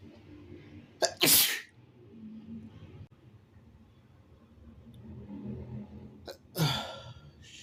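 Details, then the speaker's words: Shirtless person (he/they) announces he has to sneeze, then gives two loud, wet sneezes, each with a short breath in before a sharp burst; says he is sweating a lot afterwards. "Let me see. I have to sneeze. Finally."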